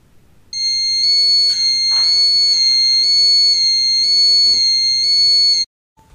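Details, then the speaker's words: Redsense dialysis sensor: loud, continuous, high-pitched alarm lasting about five seconds, immediately triggered by a simulated sudden burst of blood from venous needle dislodgement reaching the fiber-optic sensor patch. "in this clip we'll try to simulate a sudden burst of blood due to Venus needless lodgment and as you will see here blood will reach the fiber optic sensor inside the sensor patch with some speed and you will have an immediate"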